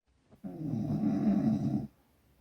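A single rough, rattling inhaled snore lasting about one and a half seconds.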